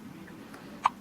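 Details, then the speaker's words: Infant boy with recurrent hiccups: a single short, sharp hiccup breaking a quiet room with faint background hum. "hiccups again sir what is going on oh my goodness"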